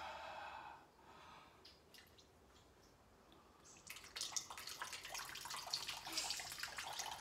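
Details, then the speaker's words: Quiet room, then splashing, dripping saline flushing through the nose while leaning over and mouth-breathing, a nasal rinse during recovery from endoscopic sinus surgery with turbinate reduction and septoplasty. "so we're just going to lean over and breathe through your mouth so you don't end up having water coming coming out of the wall"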